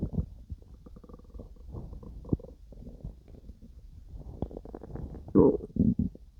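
Soft gurgles and irregular rumbles with a louder growl near the end: ordinary stomach growling during digestion.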